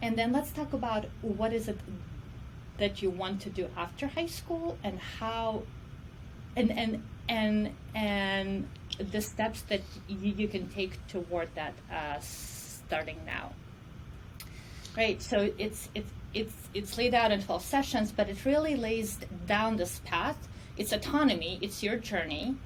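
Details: Adult woman who self-reports stuttering as her disability; speech in this clip has repeated words; stuttering.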